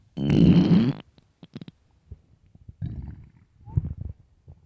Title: long day hunger loud stomach growls